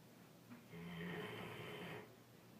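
A single long, rumbling snore lasting over a second, from a sleeping large dog.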